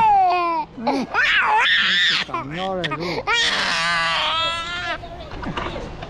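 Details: Loud, pitched wailing cries with rising and falling sobs and brief catches of breath: a child crying.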